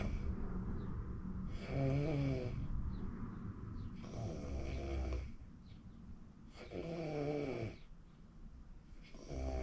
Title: recording myself WOW I REALLY SNORE SNORE 😴 😪